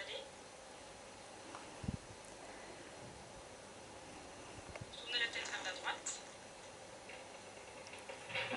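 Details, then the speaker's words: Electromyography-guided botulinum toxin injection for cervical dystonia: low hiss gives way to bursts of crackling static as the trapezius muscle contracts, confirming needle placement in active muscle. Finding: EMG audio of muscle activation. "vous entendez le bruit de lecture g 1 quand elles activent le muscle donc là on peut être sûr landes dans le trapèze qui d'emblée à cette activité"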